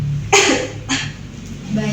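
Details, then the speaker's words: Simulated patient in a nursing chest physiotherapy and postural drainage practical, instructed to inhale for four counts, hold for two, then cough forcefully: two forceful cough bursts in a row, an effective cough exercise to expel retained sputum. "ibu nanti setelah ibu menahan napas ibu bisa batukkan atau hentakan dengan kencang ya Bu"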